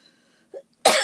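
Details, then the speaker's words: One loud, harsh cough burst after a small throat sound from an adult with a lingering cough that has dragged on and makes talking difficult. "So, as you all can hear, I'm sure you can hear, this cough is still dragging on, and uh"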